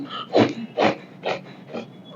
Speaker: आपकी सांस हमें सुनाई दे लग जाए तो उसको क्या बोलेंगे हम टेरस रेस्पिरेशन समझ में आ गया